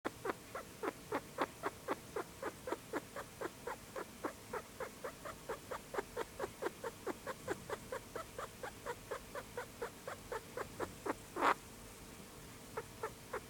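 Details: Rapid, steady squeaky clicking, about four per second, one with each breath, from a sick pet rat; abnormal noisy breathing, vet visit planned.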